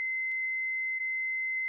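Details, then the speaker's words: Philips HeartStart FRx AED demonstration: a steady high-pitched continuous tone as the shock is delivered after analysis advised a shock, followed by a voice prompt to begin CPR. "shock delivered be sure emergency medical services have been called it is safe to touch the patient begin cpr"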